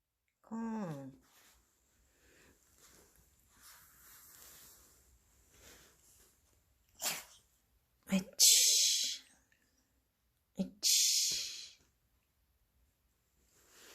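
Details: Dog sneezing: a short nasal snort, then two sharp, forceful sneezes separated by quiet room noise; sneeze.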